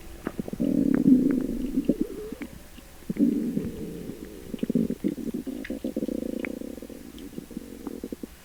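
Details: Upset stomach after eating sugar-free gummies: loud, gurgling, rolling stomach rumbles in repeated waves with bubbly pops between; borborygmi.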